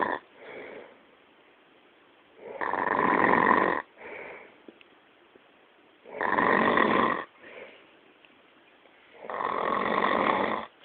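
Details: Bj loudly snoring, with a rattling snore on each inhalation and softer exhalations, about 18 breaths a minute in a quiet room.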